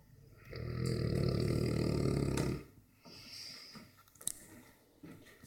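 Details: Sleeping Dogue de Bordeaux, a habitually very loud snorer, gives one long, loud, deep rattling snore on a breath in, then quieter breathing and room noise.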